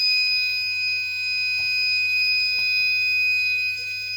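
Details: Arduino IV infusion alarm system interfaced with Visual Basic 6, weight-sensed bag: steady high-pitched electronic alarm tone sounding continuously, signalling low fluid, bag nearly empty and needing replacement.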